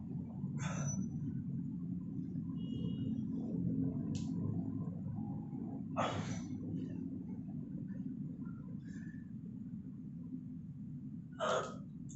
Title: Front Squat & Power Clean 83 lbs ( 38 KG ) For 10 Reps w/ knee popping sound. #Shorts